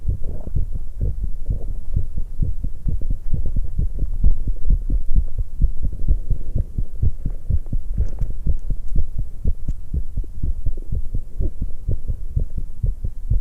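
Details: Fast, pounding heartbeats with steady low thumps and occasional swallowing and gut noises from a 19-year-old woman drinking tea after exercise: a quick heart rate after exercise, a normal response.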